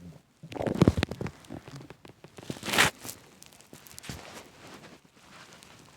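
Loud bursts of gurgling and squelching rumbles with crackly bubbling, fading toward the end; stomach growling on an empty stomach.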